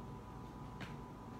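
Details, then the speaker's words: Adult's knee cracking as it moves, likened to cracking fingers and described as harmless air bubbles; a single faint click against steady room hum. Knee joint crepitus. "did you hear that? It was my knee cracking. That stuff happens."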